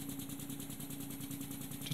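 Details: SensorMedics 3100A high-frequency oscillatory ventilator in a pediatric teaching demo, bias flow being raised from 20 L/min: steady rapid buzzing pulsation about ten pulses a second with constant hum.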